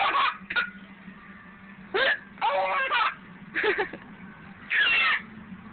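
Repeated short, abrupt vocal bursts at irregular intervals, about five in six seconds, fitting hiccups, with some laughter-like sounds.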